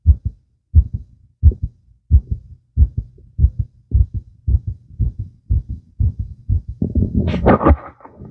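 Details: Fast visible heartbeat: strong, regular paired heart thumps at about 88 beats a minute, ending in rustling handling noise.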